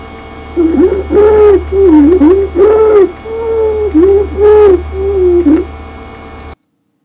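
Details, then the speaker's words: Stridor played in a CPAP training recording: loud, high-pitched, crowing musical sounds with each breath from upper airway obstruction, e.g. croup or foreign body; said to be loudest with the stethoscope over the trachea. "okay that long sound was Strider Strider is an upper Airway obstruction it can be commonly heard uh with cro or an upper Airway obstruction such as a foreign body obstruction"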